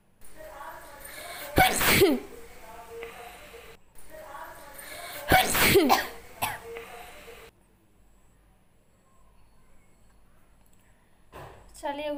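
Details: Woman doing a sneezing challenge: two loud, explosive sneezes, each preceded by a brief intake of breath, with some speech; induced sneezing.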